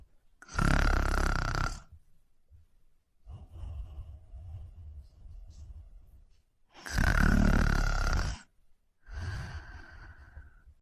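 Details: Loud, low rattling snores on the in-breath with quieter out-breaths, about 11 breaths a minute, during sleep; ordinary snoring.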